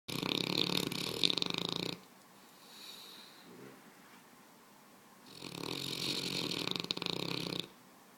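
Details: 140-lb Mastiff puppy sleeping after a hard day of play: two long, loud, harsh, fluttering snores with a quiet breath between; heavy snoring.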